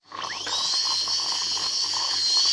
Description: Five sound effects of dental drilling.